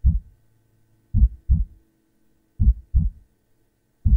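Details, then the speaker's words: ASMR role-play stethoscope exam: steady, strong lub-dub heartbeat about 40 beats a minute while the listener is asked to breathe deeply; heartbeat described as strong, rate judged fine. "Okay. Strong heartbeat, okay? Check your breathing, okay?"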